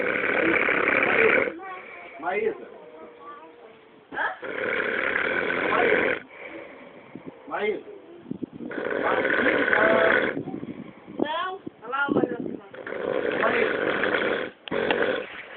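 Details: Man who fell asleep snoring loudly, filmed by a friend: loud, harsh, rumbling snores in repeated long bursts with a few brief voice-like sounds between them; snoring.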